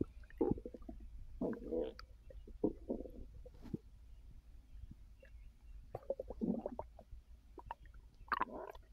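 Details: Resting after overeating following an edible gummy, full bloated stomach: irregular gurgling and bubbling rumbles with quiet gaps; active bowel sounds (borborygmi) of digestion.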